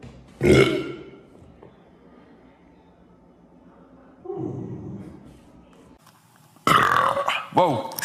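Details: Burping from boys: several loud, low, drawn-out throaty belches separated by quiet pauses; repeated burping.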